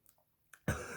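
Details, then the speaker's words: Single abrupt, loud, fairly deep cough in a quiet room around 6:30 a.m., the effort of the cough causing a fart; the person is in isolation and about to take medication. "I foffed. That you can probably hear that. The effort of the cough caused a fart."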